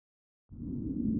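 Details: Chest auscultation with StethoMe electronic stethoscope, wheezes identified by AI: brief low, continuous musical tone riding on breath noise; wheezes, characteristic of asthma and airway obstruction.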